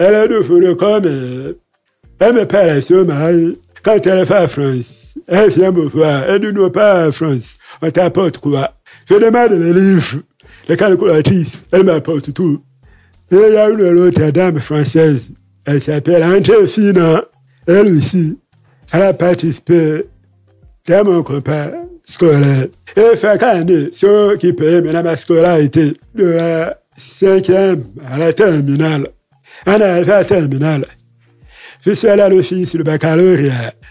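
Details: Adult man, deaf since childhood after an illness that caused his hearing loss, lip-reads, speaking French; deaf speech.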